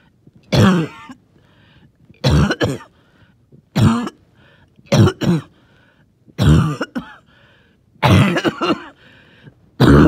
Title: Wheezy, Phlegmy cough